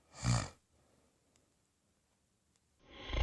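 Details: Adult woman asleep in the middle of the night, husband reports worsening snoring and crazy sounds that she denies: loud, low rattling snore on each breath in, then quiet before the next; snoring.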